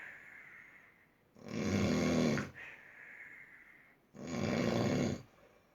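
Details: Two loud, rough snores on the in-breath with quieter out-breaths between, about one cycle every three seconds; heavy snoring at its height.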